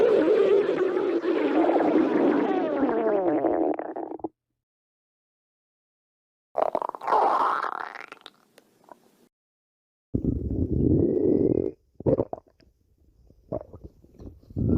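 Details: Badger's stomach growling: bursts of gurgling, squeaky bowel sounds separated by quiet pauses.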